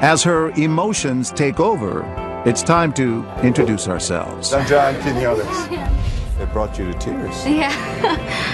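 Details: Adult male narrator; no speech disorder.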